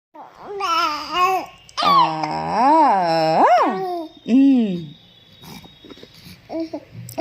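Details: Almost 2-month-old baby: soft, drawn-out vowel coos with rising and falling pitch; ordinary early cooing and babbling; infant cooing.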